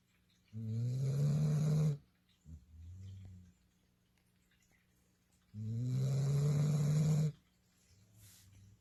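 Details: A baby asleep on a sofa, snoring loudly with low rumbling snores on two long breaths and quiet pauses between; snoring.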